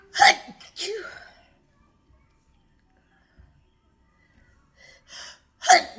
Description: Really wanted to do some work but the weather keeps making me sneeze!